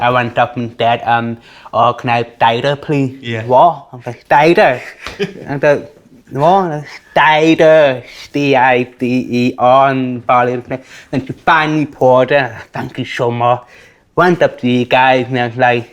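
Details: Speaker with a self-reported speech impediment, likely ordering drinks; bar staff mishear words such as 'diet' and 'sparkling water'; speech impediment (articulation disorder).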